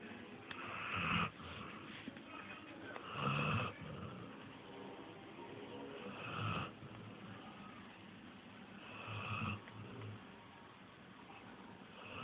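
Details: Sleeping puppy: soft, rough, nasal snores, about 25 a minute and somewhat uneven: snoring.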